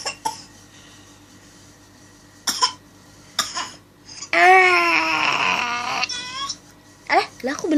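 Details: Baby imitating mother's cough: several short cough-like bursts, then a strained, drawn-out retching cry as the imitated cough turns into real gagging.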